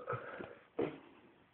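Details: Man burping deliberately after kebab and cola: two burps, a short one then a louder one, in a small room.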